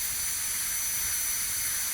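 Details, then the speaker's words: High-speed air-driven dental handpiece doing proximal reduction and rounding sharp margins on the mesial aspect of a tooth on a typhodont model for stainless steel crown preparation: steady unbroken high-pitched hiss and whine. "Along with the reduction, I am also roundening the surface, and any sharp margin of the tooth has to be rounded."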